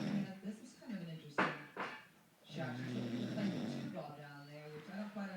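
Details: Low, rough, buzzing snores on each breath with brief quiet gaps, from a man sleeping after a night of heavy drinking; ordinary snoring.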